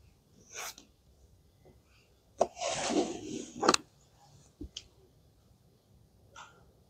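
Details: Animated ASMR clip of Hello Kitty playing doctor: a single simulated sneeze, a brief intake, then a burst of air lasting about a second, with small clicks around it; sneezing.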